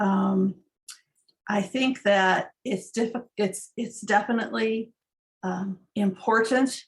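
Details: Aphasia after stroke two years earlier, with almost no words initially; uses phone, writing and pointing to trigger words; also auditory comprehension difficulty; aphasia.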